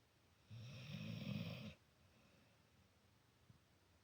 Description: My poor cat is trying to get some sleep too, but her friend, the Potato Dog, is snoring right next to her.